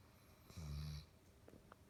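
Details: Basset hound snoring: a single short, low, rumbling snore in a quiet room; dog snoring.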